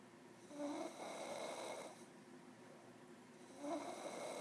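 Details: Deep sleep: two rough, rattling breaths about three seconds apart over steady room hum; snoring.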